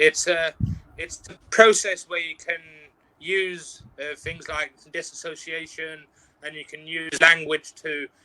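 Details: Stuttering in an adult interview guest who practises mindfulness and neuro-linguistic programming and says he has overcome stuttering at work through working on himself.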